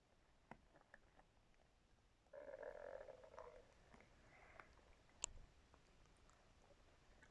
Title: stomach growling with my brush